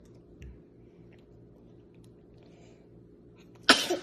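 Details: Single sneeze: a quiet room, then one sudden sharp sneeze at the end.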